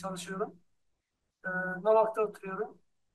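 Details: Dysphonia from sulcus vocalis in a young man who reports vocal fatigue after speaking, recorded before surgery.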